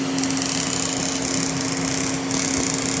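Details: HALO hybrid fractional laser (erbium plus 1470 wavelengths) resurfacing a female patient's face for severe acne scarring and irregular texture: steady electronic hum with bursts of high hiss as the laser fires; fractional laser operating.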